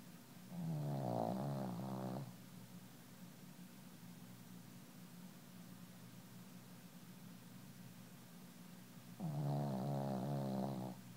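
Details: Snoring during sleep: two drawn-out, rumbling snores about eight seconds apart over a steady low hum.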